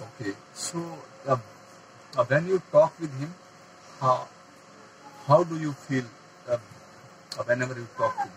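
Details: Adult man who stammers, getting stuck on words and repeating; stammering.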